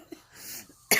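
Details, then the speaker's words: One sudden, harsh adult cough after quiet room noise, from a teacher in North Carolina with a congenital heart problem who feels sickly every winter; cough. "So you can hear me coughing on my blood, but pasensyahan nyo na lang."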